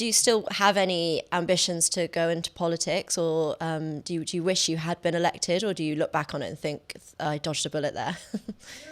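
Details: Adult speaker in an interview; normal conversational speech.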